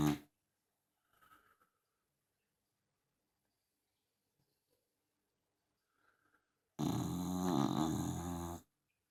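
A small dog breathes quietly, then gives one loud, rough, rattling snore near the end.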